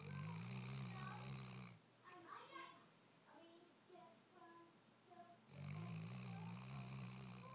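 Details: Weimaraner dog sleeping very soundly; loud, low, rattling snores at the start and end with a quieter gap of faint room sounds between; snoring.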